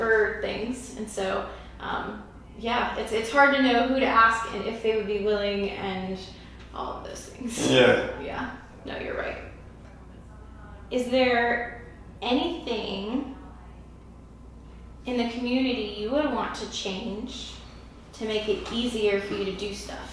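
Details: Adult female interviewer, possibly with a second speaker; typical speech.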